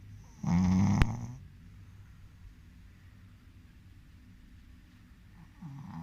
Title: Funny shihtzu snoring. Enjoying the life.